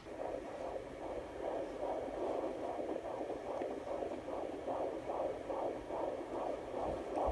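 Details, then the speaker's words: Home handheld Doppler on a pregnant mother's belly, baby very wiggly, parents hearing two sounds at different rates and wondering about twins, though one might be cord or placenta: fast regular whooshing pulses, about 145 a minute, with hiss; fetal heartbeat. "We heard two different noises. We heard two different sounds that sounded like heartbeats that were two different rates."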